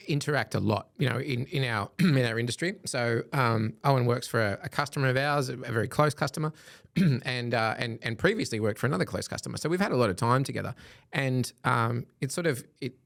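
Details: Adult male speaker; Normal conversational speech.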